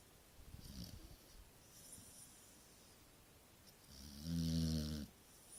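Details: Snoring from a sleeping Stafford dog: quiet breathing followed by one low, buzzing snore lasting about a second.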